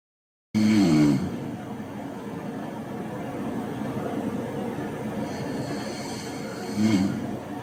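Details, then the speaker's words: Real recording of isolated snoring without apneas: low, rattling snores recur with each breath in over steady background hiss, continuous with no pauses in breathing: simple snoring. "so that one's a bit more continuous all right maybe I mean most people can't look at a sound wave and know what it's going to sound like but that's what the more continuous nature of isolated snoring is by itself"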